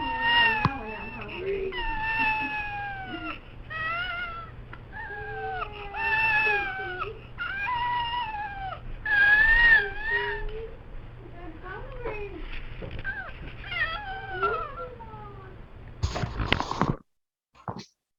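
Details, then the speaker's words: Infant with cri-du-chat syndrome (deletion on short arm of chromosome 5): high-pitched, thin, mewing cries like a cat, the characteristic cri-du-chat cry. "Vamos a escuchar precisamente cómo se percibe o cómo un bebé llora con este maullido de gato, con esta característica como tal."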